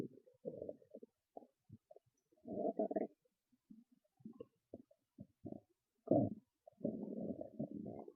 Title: Loud Stomach Growls and Gurgles (Full Video Available) #stomachnoises #stomachrumbling #stomachasmr